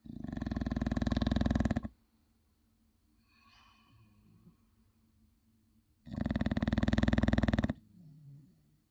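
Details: A 6-year-old English bulldog snores while asleep, likened to a jackhammer or traction engine: two loud, harsh, rattling inspiratory snores, each nearly two seconds, with quiet exhalation between; heavy snoring.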